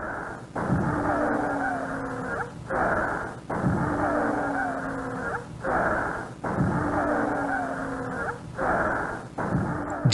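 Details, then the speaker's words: Several musical tones of different pitch through breathing, mostly on the longer expiration: polyphonic wheeze, a continuous high-pitched multi-tone sound from multiple narrowed bronchi with turbulent airflow. "The sound we heard was polyonic poly many sound. So basically it is a sound with multiple tones continuous high pitch sound. Multiple obstructed bron turbulent air flow."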